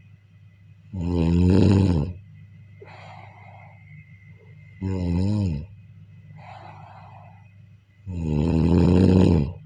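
Loud, rattling snores on each breath in, with quieter breathing out between them, about 16 breaths a minute; snoring.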